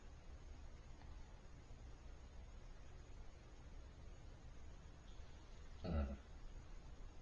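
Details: Sleeping adult man with severe sleep apnea: about six seconds of near-silence with no breath sounds, then one abrupt loud snort as breathing resumes, an obstructive apnea pause.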